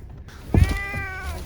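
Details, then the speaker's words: An ill cat with sudden respiratory symptoms, rapid heavy breathing, fever, vomiting and diarrhoea, which owners feared might be coronavirus, gives a drawn-out tonal meow; it is normally quiet and now meows excessively. "he's just meowing a lot right now I've never heard him yell like this because he doesn't meow"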